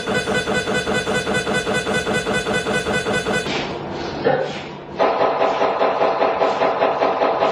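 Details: Loud rhythmic knocking and buzzing from a conventional MRI scanner during a scan; the knocking pattern changes every few minutes and continues throughout the scan.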